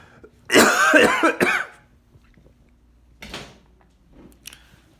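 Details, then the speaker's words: Adult with COVID-19 and headache but no fever, worsening over several days: harsh, hacking bout of about three dry coughs, then two weaker follow-up coughs, in a persistent dry cough. "i'm just permanently coughing now just a really gross hacking dry cough"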